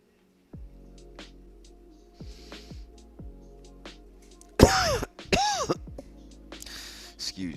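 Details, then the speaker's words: Cough: two short, harsh, partly voiced cough bursts from an adult who says he has bronchitis, a light cough over steady background music. "me what's that sound that's me coughing smoke me I got brontis yeah there's a light coughing sound I make"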